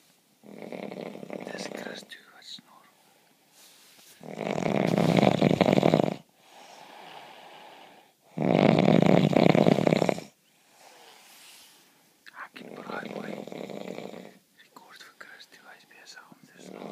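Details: Adult man snoring in a shared room: loud, harsh rattling snores on inhalation alternating with quieter breathing, about four breaths a minute; ordinary heavy snoring.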